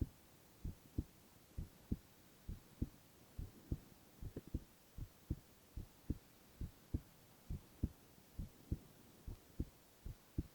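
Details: Silent ASMR recording of a young man's heart sounds only: quiet, regular lub-dub heartbeat at about 67 a minute under a faint steady hiss; normal heart sounds.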